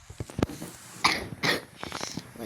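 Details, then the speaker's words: Two short, harsh cough bursts over faint background sounds from a person who says they have a cough (ubo), heard while playing a game; a plain cough. "Sorry for the cough. I have ubo kaya."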